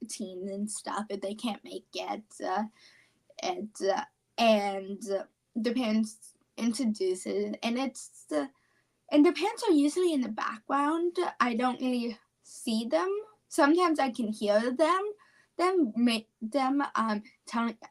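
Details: 17-year-old female high school senior with apraxia of speech, which she describes as a neurological speech disorder.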